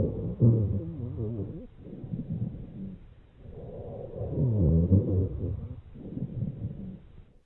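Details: Low-pitched snoring, rumbling sounds through repeated breath cycles on chest auscultation of a real patient; rhonchi, described as arising in large airways as in bronchitis.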